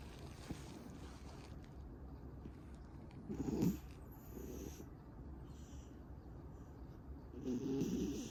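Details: Snoring from a sleeping cat, heard as soft, low rumbling snores over a few breaths against a steady background hum.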